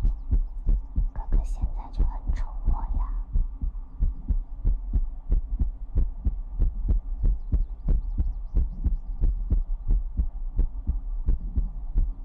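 Steady, muffled low thumps of a heartbeat at roughly 90 a minute, with a faint hum underneath.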